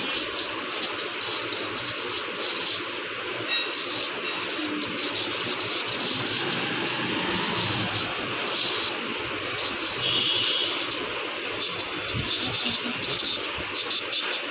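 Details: Dental teeth-scaling procedure: steady high-pitched whine and hiss with water spray from an ultrasonic dental scaler cleaning teeth.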